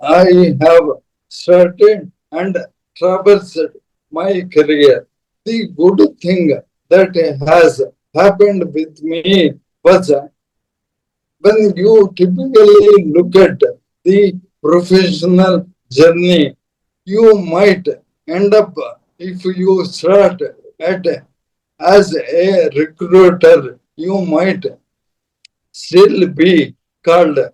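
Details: Dysarthria in an adult man: Parkinson's disease from 2022, diagnosed late, very severely affecting speech and mobility; later diagnosed with ALS / motor neuron disease.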